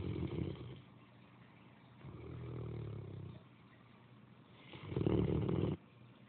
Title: Great Dane snoring